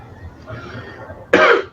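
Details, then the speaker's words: One short, harsh cough or throat-clearing burst from an adult man after a quiet pause, over an hour into speaking; he reports a lingering cough, sore throat and weakening voice. "já passamos aí de uma hora eu ainda tô com o resto de tosse minha garganta que tá tá ruim minha voz tá começando a fraquejar"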